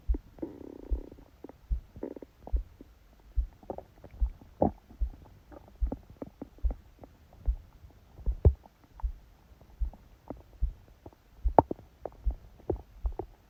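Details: Stomach growling during sleep, recorded by a phone held on the abdomen under a book: soft gurgling bowel sounds over steady dull thumps of a fast heartbeat, roughly 110 a minute.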